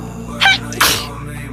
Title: Beautiful girl with adorable sneezes